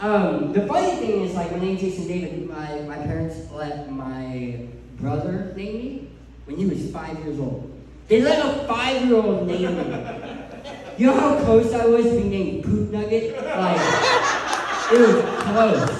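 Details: Adult male who lost 80% of his tongue to cancer, leaving a permanent speech impediment; speech impediment after partial glossectomy.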